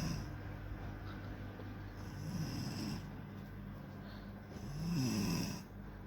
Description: Sleeping while snoring